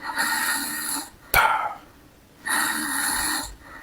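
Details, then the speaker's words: Snoring: two long, hoarse, whistling breaths about a second apart, with a brief snort between them. "So, I'll show you how to dance to snoring sounds. Can you hear that? So you just need to find the beats, okay?"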